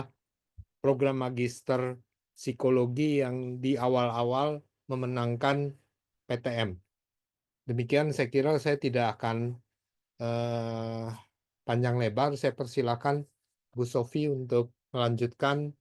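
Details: Adult man speaking; Normal voice.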